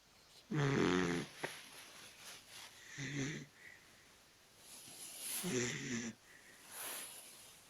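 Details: Sleeping Dachshund dog giving rough, rattling snores on the in-breath, about three in under eight seconds, with softer breathing between them in a quiet room.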